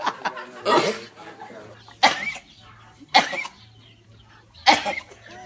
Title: Sheep sneezing #monkey #procreate #cute #animation